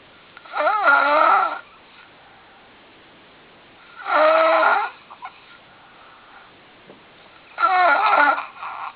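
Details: Morning snoring in a sleeping man: three loud, rasping, slightly whistling snores about every three and a half seconds, around 17 breaths a minute.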